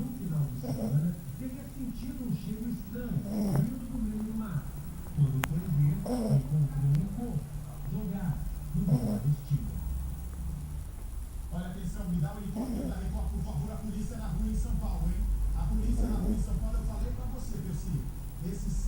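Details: Small female dog sleeping: low, rumbling, rhythmic breathing noises, each breath a soft snore, over a steady background hum: snoring.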